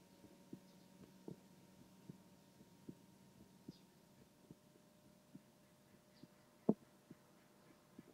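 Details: Stethoscope attached to a binaural dummy-head microphone: faint, regular soft thumps at about 75 a minute with low hum behind; heartbeat.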